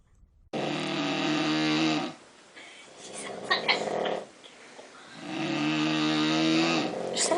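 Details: Snoring: two long, loud, buzzing snores with a low, almost cow-like lowing tone, separated by quieter breathing.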